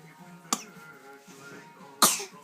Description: Nephew cough